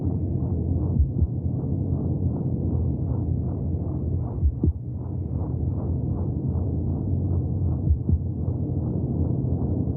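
Rapid, regular whooshing pulses, about 155 a minute, under a muffled low rumble: fetal heartbeat heard through the womb.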